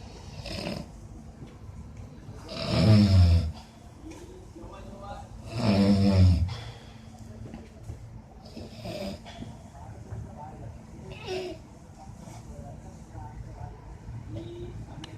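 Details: Man snoring while asleep: loud, rattling, low snores on breathing in, two clear ones then softer breaths, about 20 breaths a minute; snoring.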